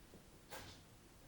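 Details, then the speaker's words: A cat sneezes in the background during an at-home ballet class: a single brief, faint hissing burst rising out of quiet room noise. "did you hear that that's my cat sneezing apologies"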